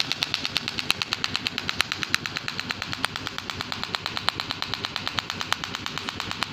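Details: Rapid, regular sharp clicks, about three a second, from an SW12 extracorporeal shockwave therapy applicator treating a male client's problem thighs and toes (unclear in speech) for pain relief.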